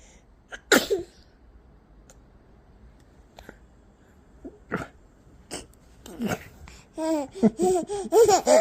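A single sharp infant sneeze near the start, then quiet small sounds and high-pitched baby vocalizing or giggling toward the end: a normal infant sneeze.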